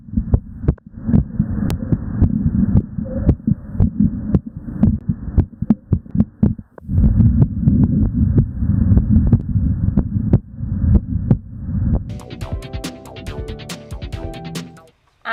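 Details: Live stethoscope recording of a heart during exercise, faster than at rest: fast, regular lub-dub at about 113 beats a minute; normal heart sounds with exercise tachycardia.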